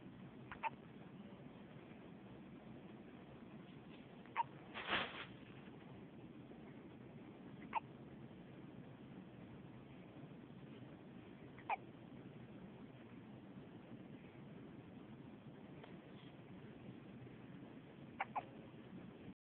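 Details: Cat hiccuping: faint, brief clicking gulps at irregular intervals, about six in twenty seconds, over a steady hiss.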